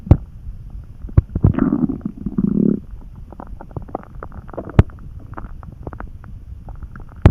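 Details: Calm churning stomach rumbling (borborygmi) from mild hunger, recorded while lying in bed resting and dozing off some hours after lunch.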